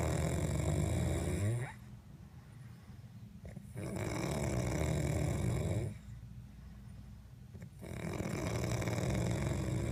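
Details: Loud, coarse, rattling snores on each breath in, separated by quiet pauses, at about 15 breaths a minute, from a person passed out after drinking tequila: heavy snoring.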